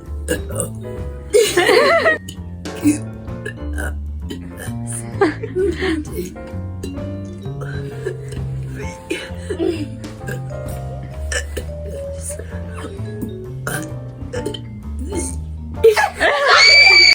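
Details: Deliberate voluntary burps shaped into the letters of the alphabet over background music; belching done for fun.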